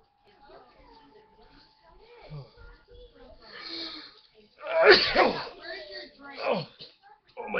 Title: sneezing my head OFF LOL